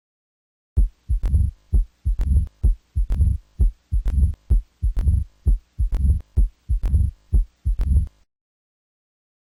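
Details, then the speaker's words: Low rumbling diastolic murmur over regular heart sounds: mitral stenosis from a rheumatic fever–damaged, calcified, fibrotic mitral valve. "now what about mitro stenosis that poor old mitro valve got beat up by rheumatic fever back in the day and now has replaced some of its connective tissue with calcium and fibrotic"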